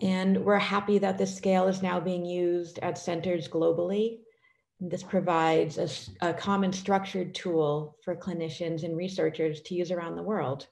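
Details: Adult woman speaking; normal speech.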